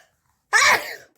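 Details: One short, forceful sneeze-like burst that trails off quickly; a single ordinary sneeze recorded during a nose sneezing, blowing and picking challenge.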